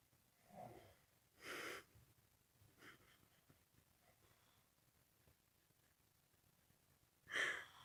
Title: Funny Snoring man